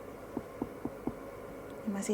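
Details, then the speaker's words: Abdominal percussion on an adult male patient, four evenly spaced taps from below upward, note shifting from tympanic to dull at the liver border to measure liver span: tympany to dullness. "lalu kita perkusi dari bawah kita dengarkan suara berubah dari timpani menjadi"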